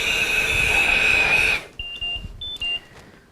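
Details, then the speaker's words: Loud shrill alarm tone, then short repeated high beeps: Philips Respironics Trilogy 100 home ventilator circuit disconnection alarm, demonstrated by a respiratory therapist for children's caregivers. "so we have our first alarm is circuit disconnection and we can set time and seconds until we will know that the patient is disconnected"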